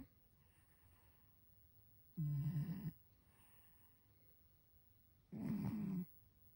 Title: Britt the cat in Hancock county Snoring!